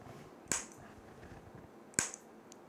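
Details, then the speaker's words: Magnetic stimulator demonstration on the operator himself over a peripheral nerve through clothing, making the fingers twitch. Two sharp coil clicks about 1.5 seconds apart in a quiet room, single pulses. "I deliver the stimulus electromagnetic field goes through my clothes muscles rich spiritual nerve Norv get excited excitation wave goes through the nerve reach the muscle and muscle is constructed"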